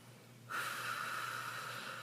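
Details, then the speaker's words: Silent cough voice therapy technique demonstrated: a quiet start, then a sudden forceful unvoiced rush of air through throat and mouth without sound, clearing mucus without slamming the vocal folds; alternative to throat clearing for hyperfunctional voice users, followed by chin tuck and hard swallow. "will now demonstrate the silent cough technique this allows you to clear your throat of mucus without slamming your vocal folds together which can cause trauma"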